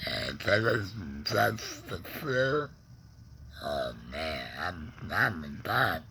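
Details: Adult man, laryngectomee neck breather with a stoma after cancer (tongue cancer tagged), with tongue pain, speaking in real connected speech; alaryngeal speech after laryngectomy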